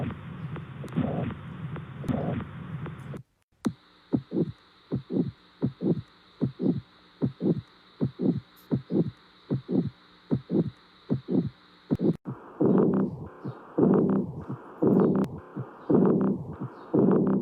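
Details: Normal heart sounds: regular paired lub-dub beats at about 60 per minute, with only the first and second heart sounds (S1 and S2) audible and no third or fourth sounds heard.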